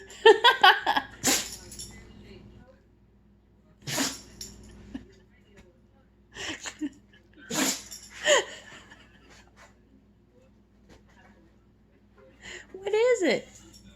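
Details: Dog that can't stop sneezing, possibly stuck under a chair: about five short, sharp nasal bursts in a row with pauses between; repeated sneezing.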